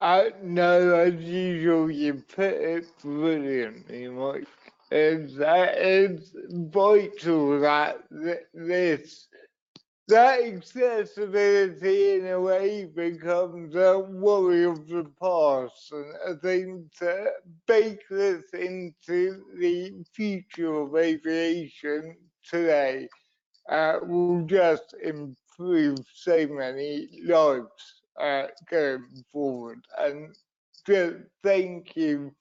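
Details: Adult man with cerebral palsy from a brain injury sustained in an accident at birth, which he says affects his voice and leaves him unsteady on his feet; dysarthria.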